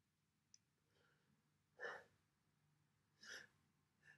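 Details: Self-induced sneezes on December 1st, 2021: two brief, soft, breathy bursts with small intakes of breath between them over a quiet background, with nose-blowing at the end; sneezes.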